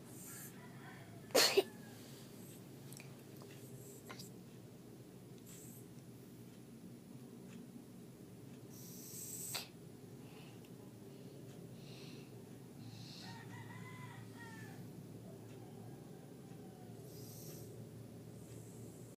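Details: A sharp sneeze burst near the start and a softer snort later, with quiet breathing and room noise between; sneezing.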